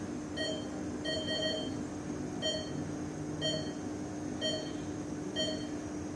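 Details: Sound-effect recording of an ICU bedside patient monitor: steady electronic beeps about once a second over constant hum and room noise.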